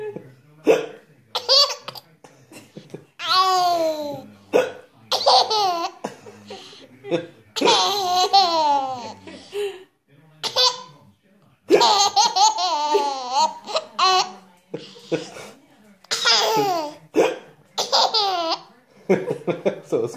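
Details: 10-month-old girl with hiccups laughing as a parent imitates hiccup sounds: bursts of laughter broken by sharp, sudden breath catches; hiccups.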